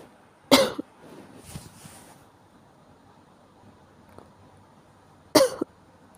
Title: 風邪の咳 caught a cold cough